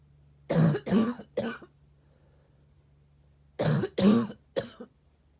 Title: Sick coughing